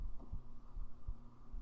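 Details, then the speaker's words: Adult's heartbeat heard with head on chest: soft, regular low thuds about 80 a minute under a steady low hum; normal heartbeat. "Let me see if I can get the actual heartbeat sound. There we go. There. Can you hear it properly?"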